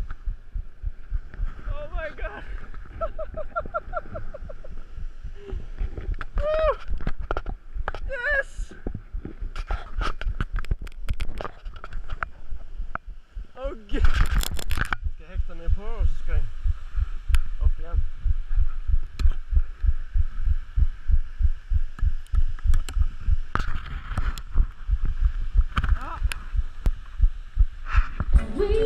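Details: Fast, heavy low thumps of a forceful rapid heartbeat picked up by a GoPro during a bungee jump from a 115 m bridge in Norway, under wind rush and excited voices.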